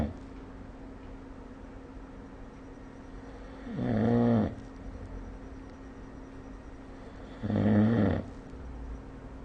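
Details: Two loud, rough snores about four seconds apart against steady room hum; ordinary snoring during sleep, recorded with the SnoreLab phone app.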